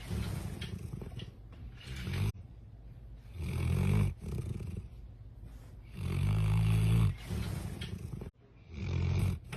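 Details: Snoring said to sound like a human's: deep, rumbling, loud, rough snores with each breath in, separated by quieter breathing.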